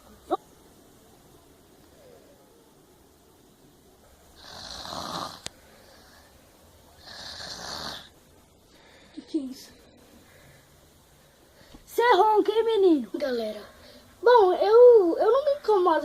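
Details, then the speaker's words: A mother snoring during sleep: two slow, rough, noisy breaths, then louder voiced, tonal snorting snores. "E hoje eu vou falar sobre minha mãe roncando."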